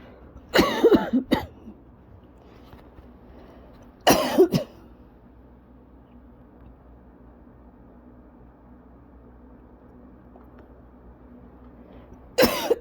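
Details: Short, dry coughs in three brief clusters in a quiet room, a lingering cough after bronchitis a couple of weeks earlier in a person with cough-variant asthma: chronic cough.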